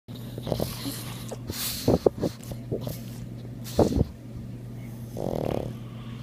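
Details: Snoring in a sleeping dog: short snorting breaths and a longer rumbling breath at the end, over steady room hum.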